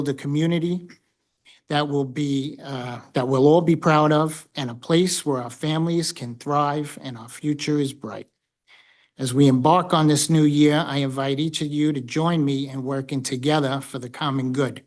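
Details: Adult male speaker; normal voice.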